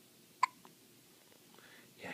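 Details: Single sharp, brief hiccup from a one-week-old baby girl, followed by quiet with faint soft sounds.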